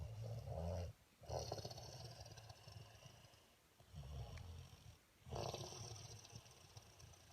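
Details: Three loud, rattling snores with pauses between, over about seven seconds; heavy ordinary snoring.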